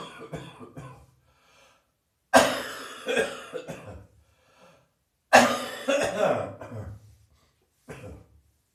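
Two loud, harsh coughing bouts, each with several rough, wet-sounding coughs, then a few smaller coughs; a heavy chesty cough from a chest cold.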